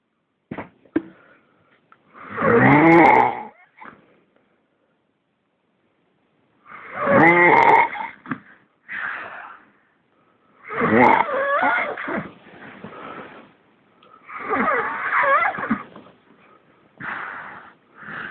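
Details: Very loud, rough snores on inward breaths, about five, separated by quiet pauses, with softer snorting sounds between; snoring.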